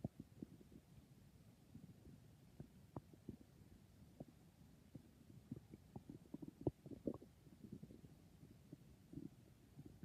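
Soft, scattered gurgles and small pops with faint rumbling against near-silence. These are normal gut sounds.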